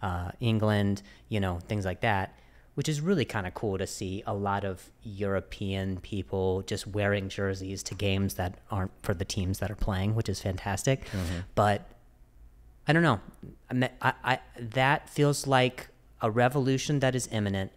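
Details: Stuttering in an adult host who is described as fighting through a stutter; word repetitions are audible.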